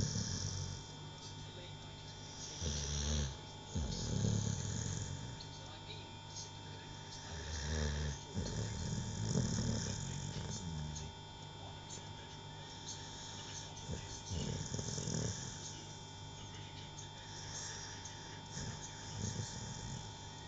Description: MY GIRLS DOG FELL ASLEEP ON MY LAP HERE`S HER SNORIN SHES ONE MAD DOG?